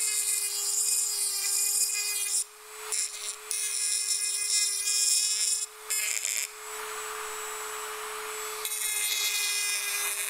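High-pitched steady whine with brief stops and restarts, typical of a dental drill running.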